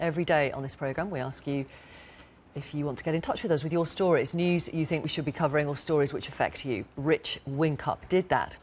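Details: Adult presenter; no disorder.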